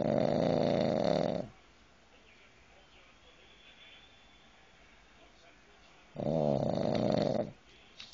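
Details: Loud snoring from a sleeping dog: rumbling snores on two breaths with quiet pauses between.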